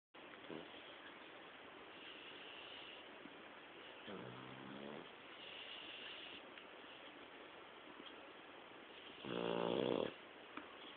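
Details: Sleeping dog gives two low, buzzing snores about five seconds apart over a steady background hiss; snoring.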